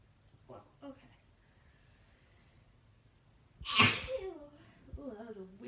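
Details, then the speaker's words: Woman sneezing after inducing it with Chhinkni sneezing powder: two short sharp breaths in, then one loud, wet, explosive sneeze and a groan. She describes the sneezes as really wet and powerful, part of a sneezing fit. "Ooh, it's messy. It's really messy. Oh no. Ooh. Ooh, see, that's the thing. Ooh, They're really, ooh, really wet and powerful."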